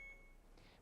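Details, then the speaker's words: Brief electronic beep from a BD Alaris 8100 large volume pump: KVO alert, still infusing, warning the bag will run dry; simulated for training by setting volume to 0.1. "but it's still green. Still infusing. So, you have time to go get your subsequent bag, but it's alarming to let you know it will run dry if you don't go get that next bag."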